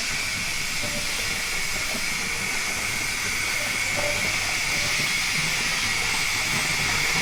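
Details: Teeth cleaning at a dental clinic, patient told to raise a hand if it hurts: loud, steady hiss of dental suction, air and cleaning instruments.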